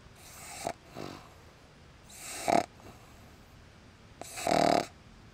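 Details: Snoring while asleep in the car: rattling, noisy snores on each breath, about three every five seconds, with softer breaths between; ordinary snoring.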